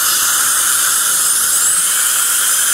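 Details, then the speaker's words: Continuous shrill whine with loud watery hiss: high-speed dental handpiece with diamond bur adjusting the bite on a glazed porcelain restoration, circular motions, gentle pressure and plenty of water spray. "okay same thing just circular motions gentle pressure lots of water"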